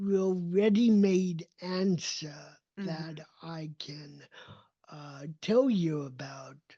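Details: Adult male with cerebral palsy, a neurodevelopmental disability affecting motor development and movement; dysarthria (cerebral palsy).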